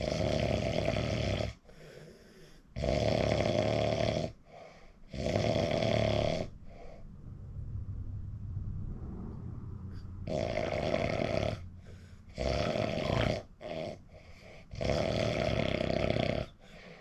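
Loud, harsh snores with a buzzing vibration, about seven in seventeen seconds, some broken into stuttering pulses; heavy snoring.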